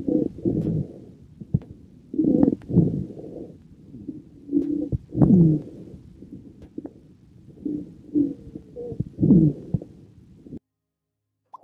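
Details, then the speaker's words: Teaching recording: low-pitched, snoring-like rumbling, mainly expiratory, modifiable by cough, from secretions vibrating on airway walls, typical of smoker's chronic obstructive bronchitis exacerbation; rhonchi. "qui a la particularité de pouvoir être modifié par la toux puisqu'il correspond à la vibration des sécrétions sur la paroi qui peuvent être évacuées au moment de la toux alors typiquement on entend ça dans les exacerbations de bronchite chronique obstructive du fumeur"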